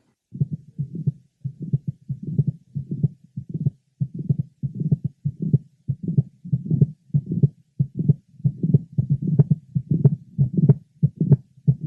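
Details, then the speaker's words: 23-year-old woman with mitral valve prolapse, at the apex: multiple rapid successive systolic clicks in mid to late systole. "this is a 23y old lady who has mitro valve prolapse manifested by the scul foundings of multiple rapid successive syst clicks hered to Apex"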